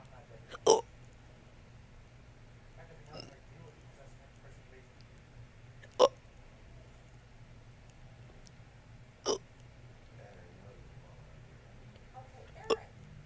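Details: Hiccups with a burp-like quality: four to five sharp, abrupt hiccup sounds roughly every three seconds over quiet room noise.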